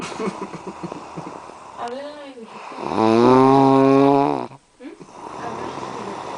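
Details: Long, loud, buzzing voiced snore over steady background noise, with softer breathing sounds around it; snoring.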